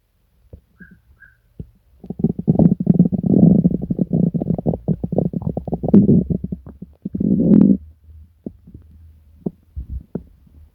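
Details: Person sick for several days with stomach pain, diarrhea and nausea: loud, prolonged gurgling and low growling stomach rumbling in two long bursts with smaller bubbling between (borborygmi).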